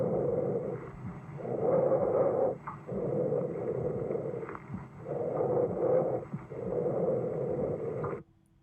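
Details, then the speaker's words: Loud, harsh, tube-like breath sounds over the trachea, heard through all of inhalation and all of exhalation at similar length and volume, with a clear pause between phases: normal bronchial breathing. "loud tube-like um you hear it all the way in inhalation all the way in exhalation with that clear pause between the two"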